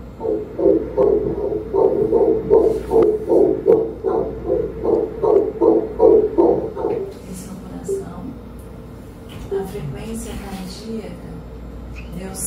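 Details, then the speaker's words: Fetal heartbeat on Doppler during morphology ultrasound, 151 bpm (normal 120–160): rapid, regular whooshing, normal fetal heartbeat. "151 batimentos por minuto normal É de 120 até 160"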